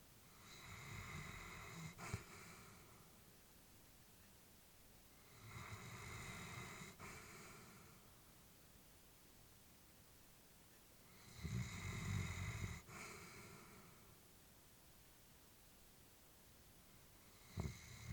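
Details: Elderly female Labrador asleep, family worried about her health; slow, raspy snoring breaths about every six seconds, roughly 10 a minute, with quiet pauses, snoring in sleep.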